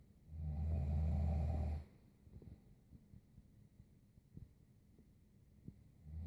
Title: 20141119 Snoring